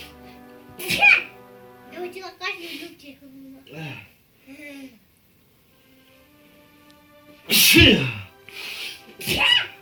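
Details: Repeated sneezing: two loud, sharp sneeze bursts with short vocal sounds between them, then a quieter third burst.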